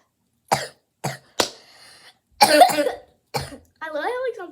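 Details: Run of five short, sharp coughs with throat clearing, ending in a strained voiced sound; the person says they have something stuck in their throat; coughing.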